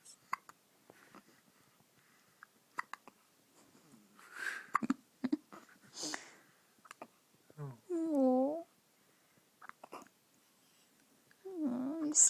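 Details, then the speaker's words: Hiccups in an infant who has had them for a long time and is grumpy: brief sharp, irregular hiccup catches, about 16 a minute, with fussy whimpers between them and quiet adult talk. "he's sick of it. He's sick of it. He's had hiccups."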